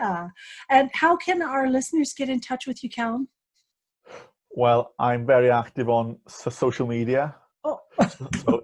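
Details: 18-year-old man with a lifelong stammer, a neurological condition; he reports blocking on words; stuttering (stammering).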